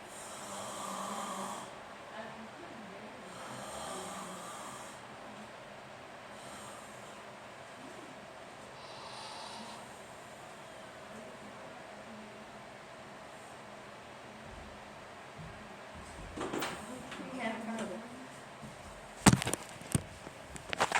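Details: Father's loud heavy snoring: rough snores with each breath, about every three seconds, then rustling and handling noise at the end.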